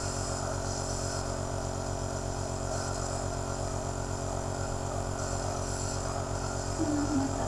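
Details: Omron C28 compressor nebulizer running during inhalation treatment of a child with a mask: steady low mechanical hum and buzz with rapid, even pulsing.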